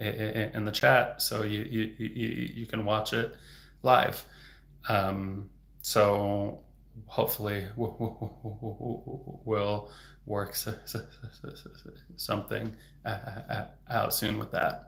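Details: Real stuttering in an adult male speech-language pathologist who stutters, heard stuttering openly.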